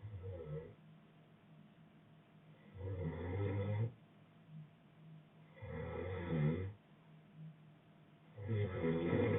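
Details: Boyfriend snoring: low, rattling snores on each breath in, with quieter breaths out between them, roughly 20 breaths a minute; ordinary snoring.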